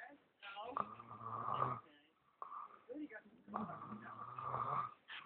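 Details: Adult boyfriend snoring in a quiet small room: long, buzzing, vibrating snores on the in-breaths with a nasal, whistling edge; snoring.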